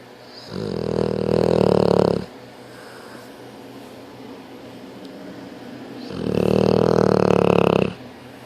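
Two loud, rumbling snores about five seconds apart, with quieter breathing between them; snoring at roughly twelve breaths a minute.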